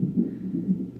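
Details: Fetal heartbeat on a Doppler/fetal monitor at 34 weeks of pregnancy, recorded while the baby girl has hiccups and moves away from the monitor; mother drank juice to get movement.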